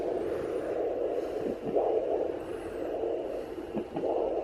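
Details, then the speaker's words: Home fetal Doppler at 29 weeks 3 days of pregnancy: steady whoosh broken by a couple of brief rhythmic swishing bumps. These are fetal hiccups, heard away from the heartbeat spot and shown as a big heartbeat on the Doppler. "is so cool. I didn't know you could catch hiccups on a Doppler."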